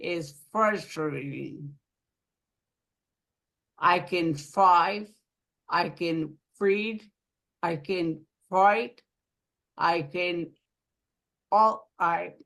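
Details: Aphasia following a stroke in an adult woman living in Rhode Island; aphasia.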